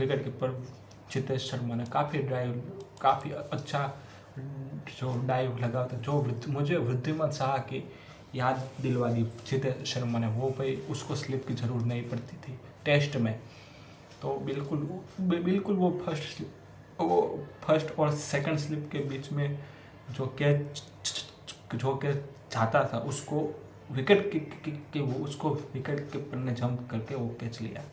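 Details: Adult man who stammers, doing daily stammering-control practice for about three months, reading Hindi tongue twisters as a fluency exercise; stuttering.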